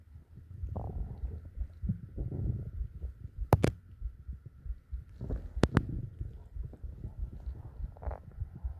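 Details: Low gurgling and rumbling stomach growls with a few sharp clicks and faint heartbeat thumping, in a relaxation recording; bowel sounds.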